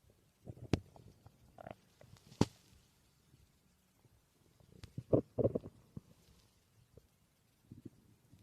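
Irregular gurgles, squelches and low rumbles of gas and fluid moving through the gut: ordinary stomach growling, with faint room noise.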